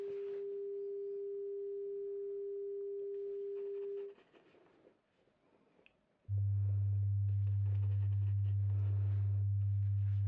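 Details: Simulated ASMR role-play hearing test with pure tones through headphones, listener raising a hand when a tone is heard in both ears: a mid-pitched tone, a pause, then a loud low-pitched tone, over faint background music.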